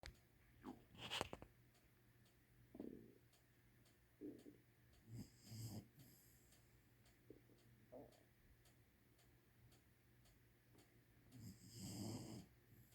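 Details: Sleeping pet snoring: soft, irregular snorting breaths and snuffles in a quiet room.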